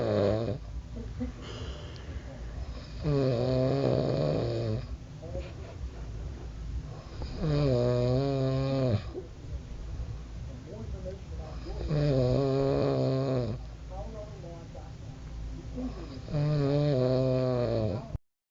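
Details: Loud, low, buzzing snores on each breath in, about 13 breaths a minute, with quieter breathing out between them; ordinary snoring.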